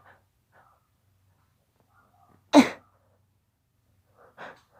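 A single stifled sneeze burst with faint breathy build-up sounds before and a smaller muffled burst after.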